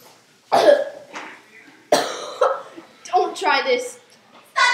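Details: Coughing fits after doing the cinnamon challenge.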